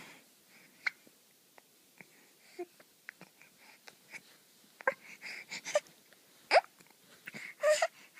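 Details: A baby hiccuping, possibly after drinking too much milk: repeated small, irregular hiccups with soft fussing sounds building toward the end.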